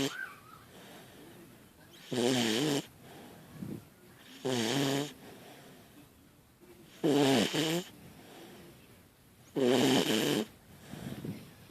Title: Snoring Pup